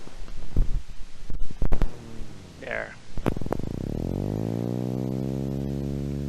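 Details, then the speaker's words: Needle EMG after tapping on a muscle: tapping clicks, then a sustained buzzing discharge sliding in pitch, rapid repetitive fib- and positive-sharp-wave-like potentials waxing and waning in amplitude and frequency like a revving motorcycle; percussion myotonia. "The main thing is that it's rapid, repetitive, variable waxing and waning in amplitude and frequency of what look like fibs and positive sharp waves. So if you tap on a muscle and cause that to happen, that's called percussion myotonia."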